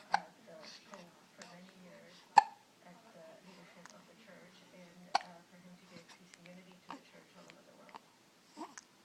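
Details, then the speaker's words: Infant gives sharp, sudden hiccups every few seconds while an adult talks softly nearby; hiccups. "yeah but hiccups do you have the hiccups he ever he goes"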